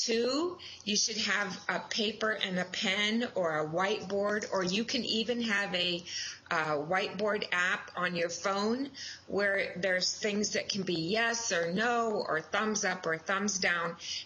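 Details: Adult woman speaking; normal speech.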